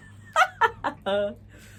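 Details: Female with Tourette syndrome producing a laughing vocal tic, which she says differs from her actual laugh; finding: laughing vocal tic (Tourette syndrome).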